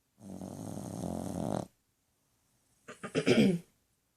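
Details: Dog (Twilium) snoring louder than a human; a long, rough, rattling breath sound, then a pause and a shorter rattling snort. Snoring.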